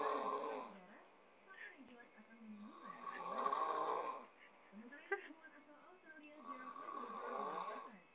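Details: A friend caught on camera snoring while asleep: loud, rough snores on each breath, about 17 a minute, with softer snorting sounds between them; ordinary snoring.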